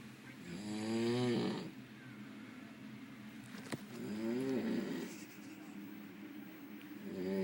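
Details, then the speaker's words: Adult brother asleep at 6 p.m., a few hours after boarding a cruise ship: two loud, rattling, buzzing inspiratory snores with quiet gaps, about 18 breaths a minute. "I can't deal with this noise it's only 6:00 p.m."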